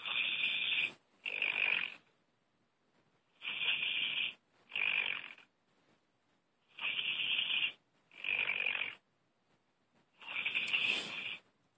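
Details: Snoring heard over a phone line: paired breathy, rasping sounds in regular cycles with quiet gaps, muffled by the phone.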